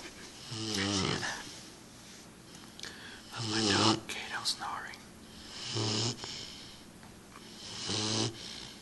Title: Snoring puppy